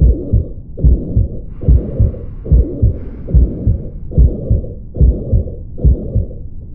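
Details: Mitral regurgitation: regular heartbeat about 72/min with blowing murmur between beats, heard at the axilla where the murmur may radiate; pansystolic murmur best heard with stethoscope diaphragm at the apex, not radiating to carotids.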